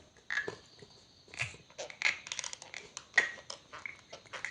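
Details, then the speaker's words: Young boy grinding his teeth, heard as irregular gritty clicks and crunching scrapes; bruxism in a small child, which elders believe may signal fever or intestinal worms. "ಕೂಡ ಹಲ್ಲು ಕಡಿತಿದ್ದಾನೆ sound ಕೇಳಿಸ್ತಾ ಉಂಟಾ"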